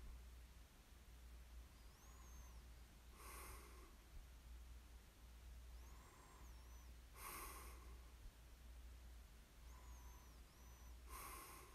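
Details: Light snoring in ASMR sleep recording: three soft snorting breaths at about 15 a minute, each with a thin nasal whistle, over steady low room hum.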